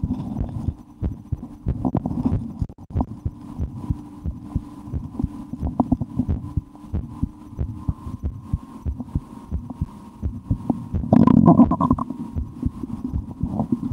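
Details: Stethoscope on the body after a lunch of porcini mushroom soup and a sandwich: steady heartbeat with gurgling, rumbling stomach sounds of normal digestion; bowel sounds (stomach rumbling).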